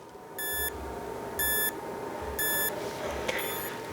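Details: High electronic beeps about once a second with faint room noise from a Checkme BP2 home monitor taking an ECG via palms on electrodes while the user talks; heart rate 78–80, irregular ECG reported; user has occasional AFib.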